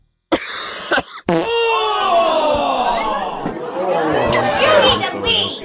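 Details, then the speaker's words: Two sharp cough bursts, then a long, harsh, voiced hacking spell from a young boy who is currently sick and says his voice sounds old; cough. "a bit sick at the moment, but, I'm still gonna be practicing."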